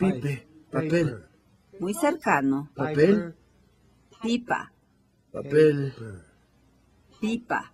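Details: 58-year-old right-handed woman, symptoms beginning 4 years before recording, describing a picture; logopenic variant primary progressive aphasia.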